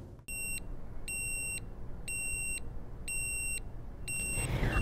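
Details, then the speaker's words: Nisus negative pressure wound therapy pump alarm: five evenly spaced high electronic beeps over a steady low hum, the audible alarm for leak, blockage or full canister, which can be muted from the pop-up menu. "an alarm a pop-up menu will display with an audible and visual sound it will give you the ability to mute the alarm"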